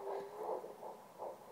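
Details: Home fetal Doppler (handheld monitor) at 10 weeks 6 days of pregnancy, used by the mother herself: rapid, rhythmic whooshing fetal heartbeat pulses, roughly 155–160 beats a minute.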